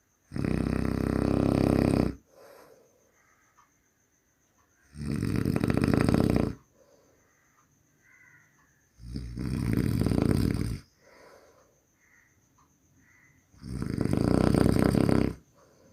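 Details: Human snoring: loud, rattling snores on each breath in, about four in fifteen seconds, with quiet gaps between; a steady faint high tone in the background.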